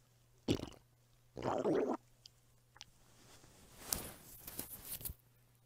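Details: Quiet gurgling and rumbling bursts with soft crackly bubbling over a low hum from a hungry woman's belly, recorded as ASMR: normal hunger-related stomach rumbling (borborygmi).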